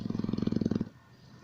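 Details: Old English bulldog asleep in his bed, snoring every night for years: a low, rattling, fluttering snore under a second long, then quiet breathing.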